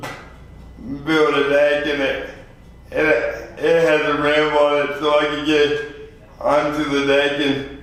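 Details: 24-year-old man with lifelong spastic quadriplegic cerebral palsy after premature birth at 2 lb 4 oz; dysarthria (cerebral palsy).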